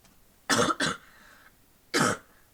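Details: Persistent post-viral cough.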